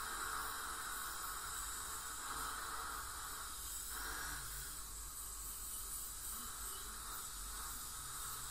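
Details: Professional teeth cleaning by a dental hygienist on a patient with heavy plaque and tartar: continuous hissing spray and suction with a faint fluttering whine from an ultrasonic scaler with suction.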